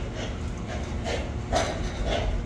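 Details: Piglets in a barn give several short, harsh coughs one after another over a steady low fan hum; persistent piglet coughing linked to poorly functioning air inlets.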